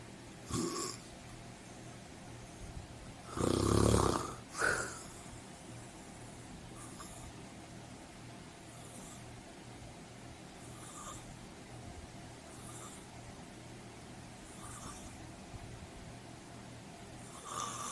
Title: Sleep fan [⚠️ WARNING ⚠️ LOUD SNORING]